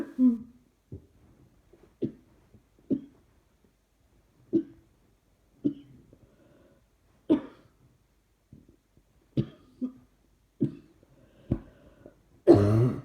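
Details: About a dozen short, mostly dry single coughs at irregular intervals in a quiet room, ending in a louder burst; repeated coughing the person is trying to suppress.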